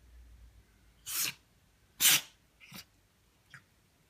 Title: The Sneezing Cat